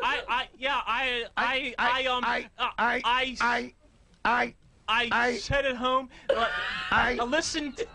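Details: Adult man who stutters, a trivia contestant; stuttering.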